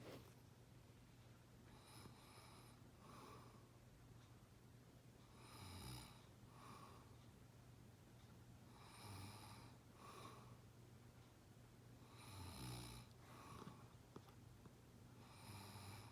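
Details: Quiet, steady snoring during sleep, with breaths roughly every three to four seconds over a low room hum.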